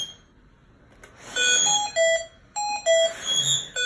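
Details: A repeating pattern of high electronic beeping tones: a Hamilton T-1 ventilator alarm during a training in-service, signalling that attention is needed.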